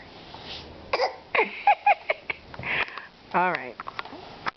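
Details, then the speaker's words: 8-month-old girl deliberately making short breathy cough-like bursts when she hears the word "phony", then a brief voiced squeal; pretend voluntary cough, not illness. "why do you have a fake cough that's a phony cough"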